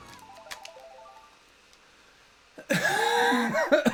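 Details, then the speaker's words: Loud, harsh, voiced cough with throat clearing from an adult with asthma, currently poorly controlled in a seasonal flare and with an out-of-date inhaler, over faint background music. "I apologize if anyone doesn't like the sound of coughing or anything like that. I have asthma."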